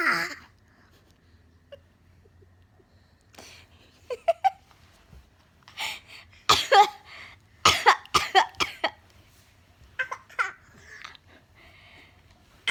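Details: 10-month-old baby imitating the mother's cough: short, breathy cough-like bursts, a playful imitation, not illness.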